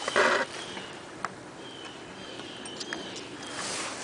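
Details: Dog (Parcheesi) wheezing for the camera while another dog wags her tail: one short raspy, noisy breath, then a faint thin whistle over quiet room noise.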